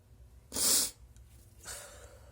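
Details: Deliberately induced sneezes; one sharp, hissing sneeze burst, then a softer, breathy second burst.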